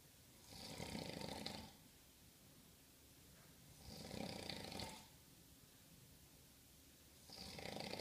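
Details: Steady snoring: rough, rasping snores about every three seconds, roughly 18 a minute, separated by quiet hiss.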